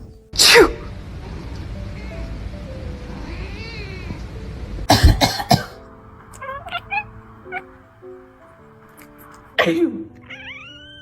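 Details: Person sneezing: several abrupt, explosive human sneezes followed by a cat's meows, with music playing throughout; the cat seems to dislike the sneezing.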